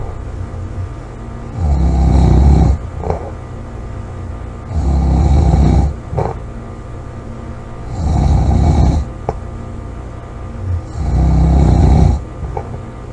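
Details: Loud, low, rattling snores on each in-breath, about 20 breaths a minute, with quiet out-breaths between; heavy snoring during sleep, recorded July 26, 2017.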